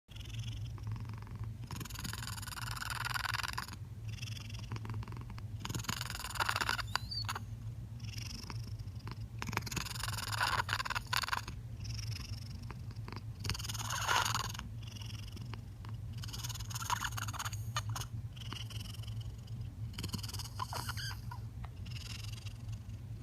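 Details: One-year-old male cat purrs very loudly while opening and closing his mouth, which changes the pitch; as a kitten he did not meow for a long time and first only squeaked; owner suspects kittenhood vocal cord damage; open-mouth purring.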